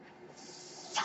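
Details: Mechanical ventilator of a man who uses one, audible as background airflow noise while he speaks on a podcast.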